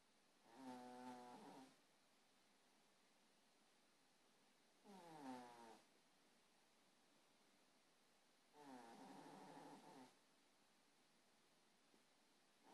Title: 2.0 the snoring cat